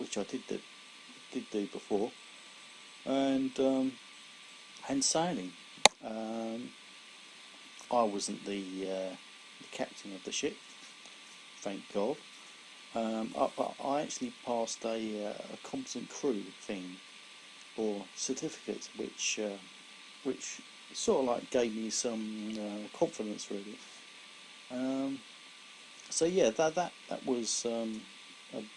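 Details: Adult man, about 17 years after a severe stroke in February 2001 affecting his right side and speech, still recovering after speech therapy; he reports slower speech than before; aphasia after stroke.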